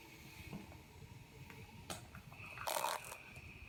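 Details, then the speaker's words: Z1 automatic travel CPAP machine fixed at 10 cmH2O, recorded by iPhone about 30 cm away: soft, steady airflow hiss and faint high motor whine from its small high-rpm motor; CPAP running noise. "there you have it so the machine all trouble machines are a little bit noisier than your standard full-size CPAP machines and that's due to the very small motor which has to turn at a very high rpm to generate the full range of CPAP pressures"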